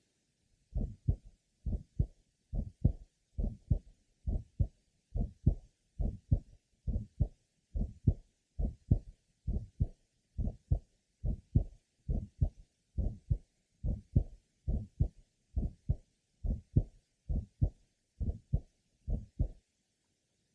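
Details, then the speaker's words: Patient with mild stenosis of congenital bicuspid aortic valve: ejection sound present with systolic murmur, unlike an innocent murmur; mild aortic stenosis with bicuspid aortic valve. "now back to our patient with the mild degree of stenosis of the congenital bicuspid aoic valve the ejection sound is present in addition to the systolic"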